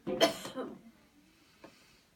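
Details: Coached airway-clearance coughing technique after counted breathing and a deep breath in: one forceful cough burst followed by a brief second cough.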